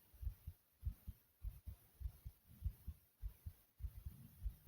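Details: Regular paired low thumps, about 100 beats a minute, of the recorder's own heartbeat, tagged as fast; at the fast end of the normal range.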